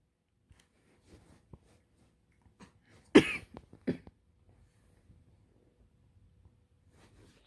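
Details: Two short, harsh coughs in a quiet room from a family who all caught colds: a 5-month-old with his first cold, an older sibling with high fever and badly swollen throat, and a breastfeeding mother with a cough.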